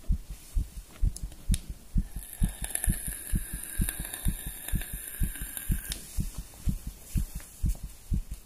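Strong, regular low heart thumps at about 128 a minute with faint background hum; a fast heartbeat.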